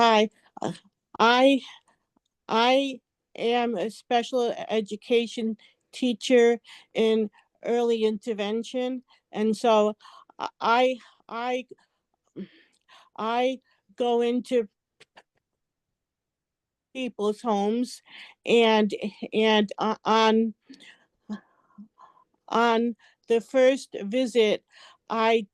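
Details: Overt stuttering in an adult woman; repetitions and blocks; stuttering.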